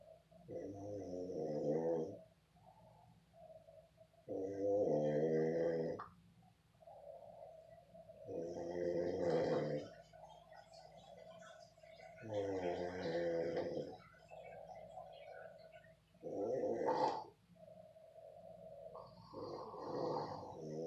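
Loud rattling snores on each breath in, about 16 a minute, with softer whistling breaths out between them.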